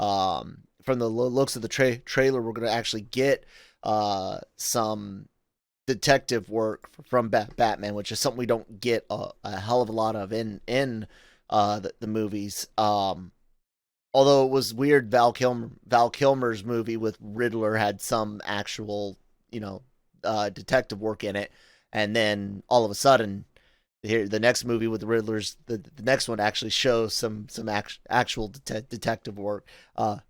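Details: Adult male podcast host with self-acknowledged stuttering, in spontaneous speech with word and part-word repetitions and fillers; stuttering.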